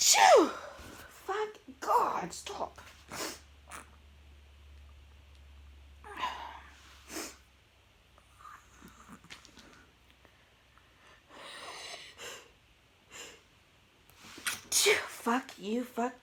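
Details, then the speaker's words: Sudden explosive sneezes, one at the start and a cluster near the end, with quiet talk between, from an adult eating pizza while tipsy: ordinary repeated sneezing. "Oh, here we go. Here another fucking sneeze."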